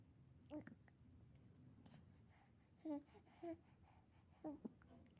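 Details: Baby boy with hiccups: four brief, sharp voiced catches over about five seconds in a quiet room.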